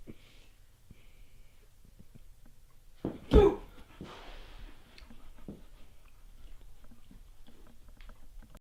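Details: Female dog sneezing many times in a row: a sharp nasal burst, then a few softer snorting sneezes in a quiet room.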